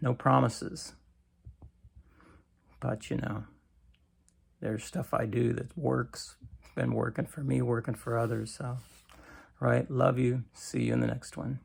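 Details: Adult man with cancer and a bile duct stent that his doctor says needs clearing more often; creaky voice, which he attributes to lack of strength, especially in the morning.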